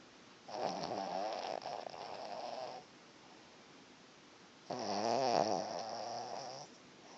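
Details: Snoring while sleeping and dreaming: two drawn-out, buzzing snores separated by quiet pauses.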